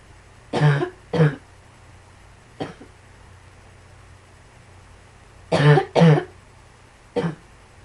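Six short coughs in two clusters, each a brief low burst, with quiet room noise between.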